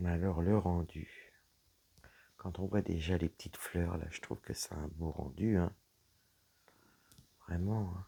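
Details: Dysphonia in a woman whose vocal cords were damaged by a serious health problem; low-pitched, creaky voice.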